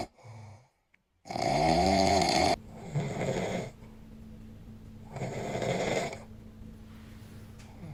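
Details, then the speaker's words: Adult man snoring in his sleep: a loud, buzzing snore with rising tone, then two softer, breathier snores a few seconds apart in a quiet room; the snoring scared a baby. "My husband's snoring in his sleep and scared the baby."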